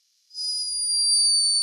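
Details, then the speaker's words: Sleeping hummingbird recorded by a scientist in Peru: a thin, high-pitched, whistle-like tone rising then holding steady, the bird's snore. "unmistakable snore hummingbirds are loved for their beauty and speed but this one was behaving a little bit like a human"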